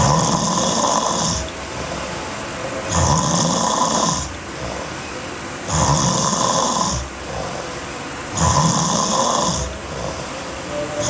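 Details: Sleeping girl snoring hard: loud, harsh, rattling snores on each inhalation, about 22 breaths a minute, with steady room noise.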